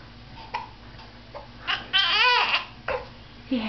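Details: Infant in a bouncer/jumper who has the hiccups: a brief, fussy cry rising and falling over about half a second, with short whimpers and small gasps.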